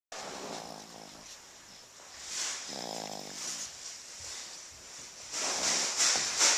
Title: snoring